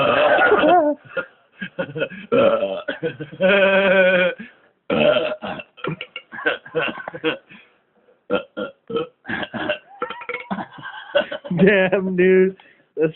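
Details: Repeated loud, drawn-out deliberate belches with throaty croaking between them, recorded close up on a phone mic during a beer-drinking belching session; voluntary burping of swallowed air.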